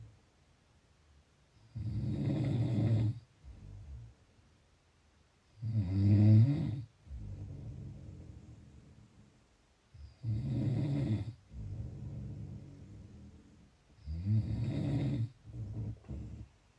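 Loud, rough, rattling snores on the breath in, with softer breaths out, about 15 breaths a minute.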